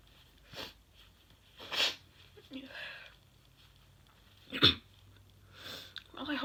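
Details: Several sharp nasal bursts with sniffs between them, loudest near the middle, from a 21-year-old repeatedly sneezing after tickling the nose with a Q-tip while trying to say "I'm gonna sneeze".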